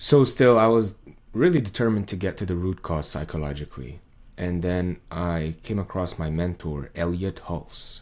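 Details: Man's recording from before 2023, made while he had muscle tension dysphonia diagnosed by an ENT via laryngoscopy around the end of 2022; muscle tension dysphonia.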